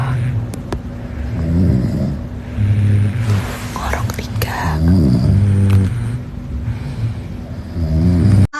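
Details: A father and two young boys sleeping and snoring together.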